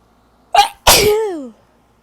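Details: A short indrawn breath, then one forceful sneeze trailing into a falling voiced tail; the person has been sneezy for the last few weeks and suspects pollen or dust.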